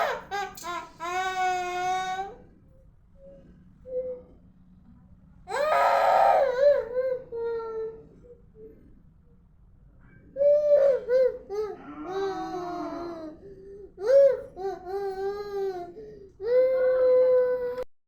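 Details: Young child crying in repeated wailing bursts with whimpers and sobbing breaths between them, reportedly crying to be allowed to watch a mobile phone.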